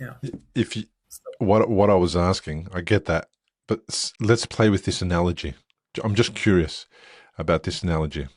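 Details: Adult male speaker; conversational speech.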